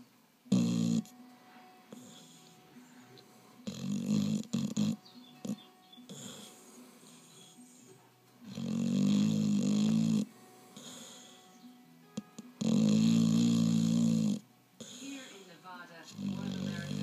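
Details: Dog snoring while fast asleep: loud, uneven snoring with long rattling, buzzy breaths and quieter snorts between.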